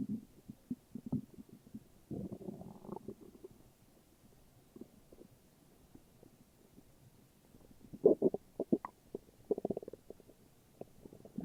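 Low gurgling growls and bubbly squelches in bursts, with quiet stretches between: ordinary stomach rumbling.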